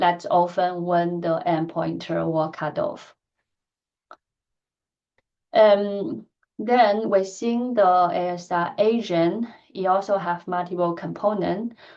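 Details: Woman who stutters; she says her stuttering pattern varies with who she speaks to and the situation; stuttering.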